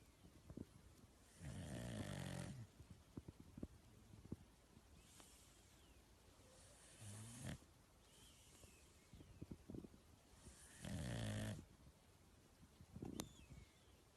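Three loud, rattling snores on in-breaths, roughly 13 breaths a minute, with quiet breathing between them. This is ordinary snoring.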